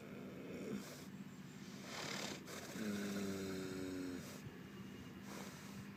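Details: Steady noisy breathing with rough snore-like sounds and a brief whistle from a two-year-old spotted sports horse snoozing; snoring.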